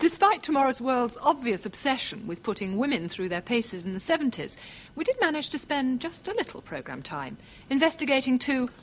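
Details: Adult female narrator; normal speech.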